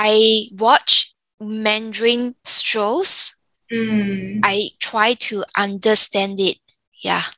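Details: 34-year-old woman, stroke from arteriovenous malformation at age 31 (July 2019), with aphasia and apraxia, weaker right side and memory decline; Mandarin speaker who lost tones; in speech therapy; aphasia.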